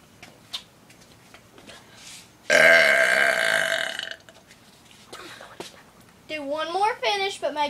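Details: One long, loud, drawn-out burp lasting over a second, performed by a burping entertainer, followed by a voice and audience background talk; burping.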